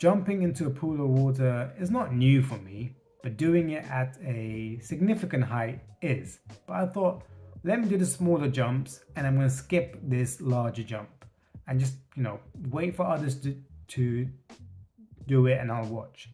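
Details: Adult male who says he has a stutter and has reduced it by facing his fears; stuttering.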